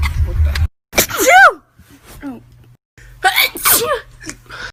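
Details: One person sneezing repeatedly: several sharp, explosive sneezes, each with a voiced outburst, separated by brief pauses.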